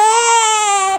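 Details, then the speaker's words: Sustained high-pitched, intense crying from a female infant under one month old with colic, crying six to ten hours a day and arching in pain during feeds; colic peaks around six to eight weeks. "so a normal a normal baby at this age so colic which we think of is This crying colic Peaks at about six to eight weeks so we are at the worst right now but even at its worst it shouldn't be more than two to four hours a day"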